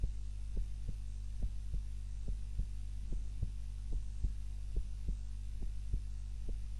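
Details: Heart sounds recorded by timer during a daytime nap, lying on the back rather than the usual face-down: regular soft thumps about 71 a minute over a steady low hum; normal heart sounds.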